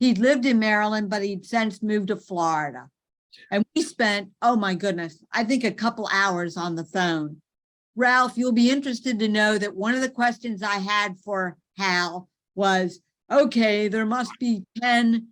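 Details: Adult woman speaking; normal speech.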